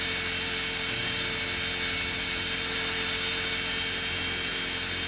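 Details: Steady high-pitched motor whine with grinding hiss from a rotary podiatry burr during removal of a big deep foot corn in a returning patient.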